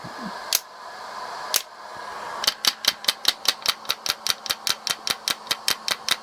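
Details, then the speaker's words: Home shockwave therapy device on a low setting, applied over castor oil to a man's elbow (nearly 50) for golfer's elbow with suspected tendon micro-tears after a motorcycle crash: a few single clicks, then rapid regular sharp tapping about 150 a minute. "so this is on a pretty low setting, but yeah, when you hit that spot, it really is painful."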